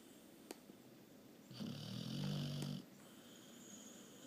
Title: Snore-face